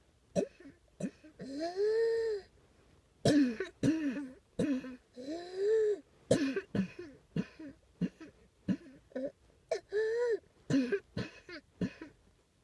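Repeated throat clearing and short cough bursts from an adult, some with a drawn-out voiced sound between them, in a small quiet room.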